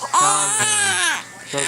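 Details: Infant with hiccups, held and kicking, gives a loud, sustained high-pitched wail, a brief pause, then a new cry; infant cry.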